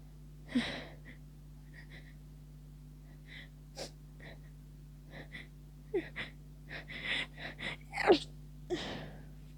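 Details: Person near the end of a cold with persistent tickling sneezes: a run of quick, muffled sneezes with short catching breaths between, several held back; a stifled sneeze attack.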